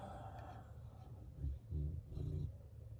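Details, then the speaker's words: Snoring from a dog sleeping in a quiet room, woken early: three low, rough rumbling bursts over the room hum. "I don't know if you hear that he's back here snoring Courtney there snoozing they're like why'd you get us up so early"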